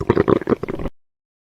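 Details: Brief run of soft, irregular abdominal gurgles, described as occurring every 5 to 50 seconds; normal bowel sounds indicating normal bowel movement.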